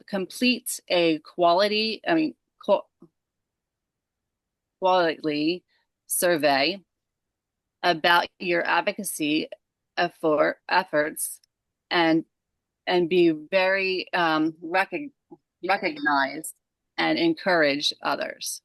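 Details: Aphasia in a woman after a stroke at age 37 caused by moyamoya disease, with onset December 2022 during sleep and her left side affected first.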